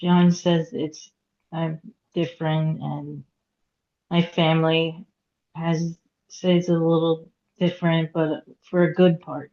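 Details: Aphasia in a woman after hemorrhagic stroke at age 36 in 2018; couldn't talk for 2 years and now speaks after recovery.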